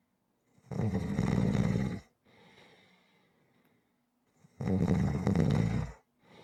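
Loud, rough snores on each in-breath with a quieter breath out between, about two cycles in six seconds.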